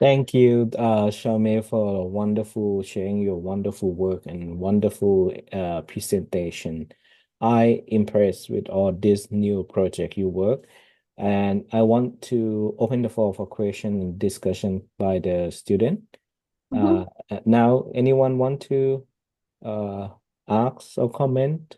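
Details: Adult male speaker; ordinary speech.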